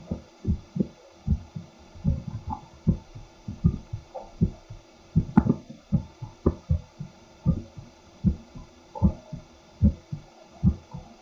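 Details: Adult man's heartbeat recorded by stethoscope microphone alongside a simultaneous ECG: steady lub-dub at about 75 beats a minute, normal heart sounds.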